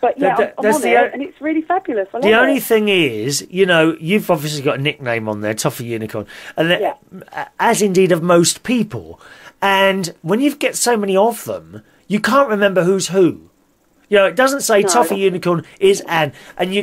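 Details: Adult speaker; no voice disorder.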